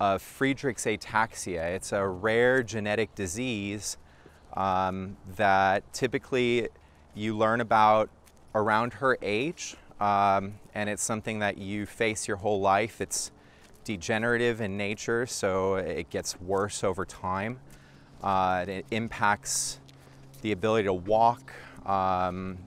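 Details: Adult male speaker; typical adult speech.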